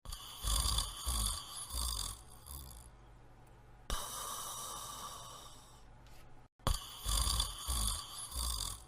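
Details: Person snoring while sleeping in bed: loud, rough, low snoring on breaths, two bursts separated by a quieter pause, with some room noise.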